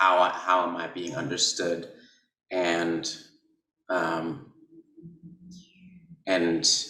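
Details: Adult man who describes himself as a person who stutters, speech showing blocks; stuttering.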